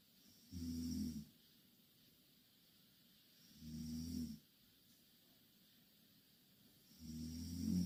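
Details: Two Korean girls snoring in the same bed: loud, low rattling inspiratory snores, about three in eight seconds, with quiet pauses between.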